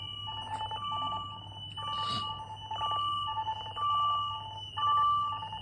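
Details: Alaris GP CareFusion infusion pump alarm: repeating electronic beeping tones, about one cycle a second, over a low room hum.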